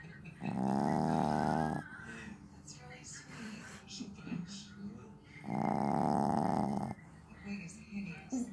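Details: Heavy snoring in a sleeping dog, Diamond: two long, loud rattling snores about five seconds apart with quiet breathing between.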